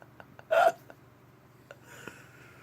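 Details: A small Havanese dog gives a single brief, sharp sneeze in a quiet room.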